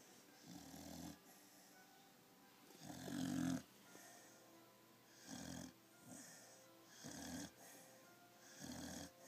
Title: Snoring puppy